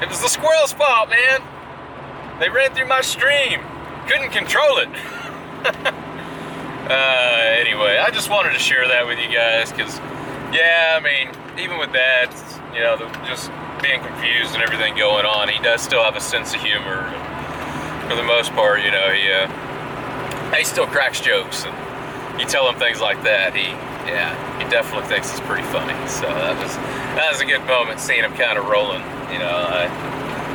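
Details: Adult male speaker; normal speech.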